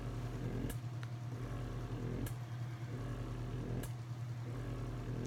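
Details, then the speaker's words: Mother's electric breast pump running while she pumps. Motor hum with rhythmic suction cycles and soft clicks about every one and a half seconds. "And then this button makes it suck faster or slower, the suction. Alright, so I already can tell I need to adjust."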